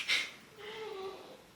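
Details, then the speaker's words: A short, breathy snort and then a faint wavering nasal whistle from a sleeping cat in a quiet room; snoring. "that is my cat snoring by the way if you can hear it"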